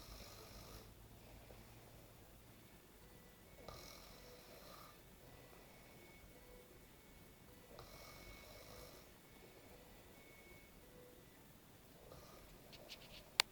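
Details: Adult man napping after a heavy night out; faint, hissy snoring breaths about every four seconds, roughly 15 a minute, against quiet room noise; snoring.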